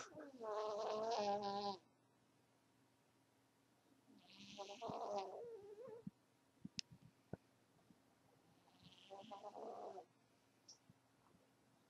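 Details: Three short, nasal, whistling snores several seconds apart with faint clicks between, from a sleeping pet cat; snoring.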